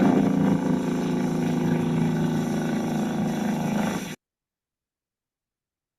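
A steady, engine-like buzzing drone lasting about four seconds, with occasional popping sounds mixed in: complex repetitive discharges with fasciculations on EMG.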